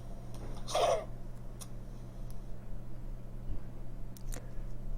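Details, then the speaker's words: A dog gives a short, dry, hacking 'keke' cough burst over a steady low room hum, a typical canine dry cough, which a veterinarian attributes to narrowed airways. "케케 소리고 나는 아주 전형적인 강아지 마른기침 소입니다"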